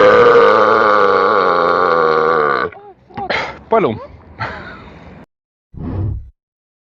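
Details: A long, loud, croaking burp followed by several shorter gulping belches; repeated burping.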